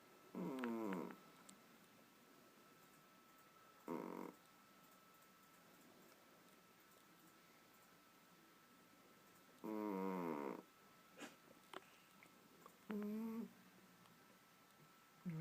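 Cat snoring: short buzzing rattles on some breaths, spaced irregularly, about four over fifteen seconds, in a quiet room.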